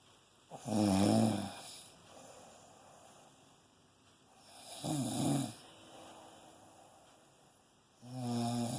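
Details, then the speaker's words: Person snoring while cuddled up, warm and loud: three loud, rattling snores on the in-breath about four seconds apart, with quiet breathing between, quiet room. Snoring. "Yeah, right up there. Snoring away."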